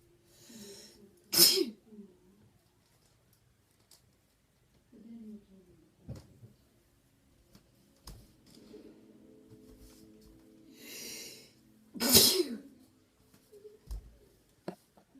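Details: Sneezing while standing: two loud sneezes, each after a brief inhale, about ten seconds apart, with soft voiced sounds and room noise between.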